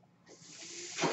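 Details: The speaker's own mechanical ventilator, running during his podcast: a rising airy hiss as it delivers a breath; mechanical ventilator breath cycle.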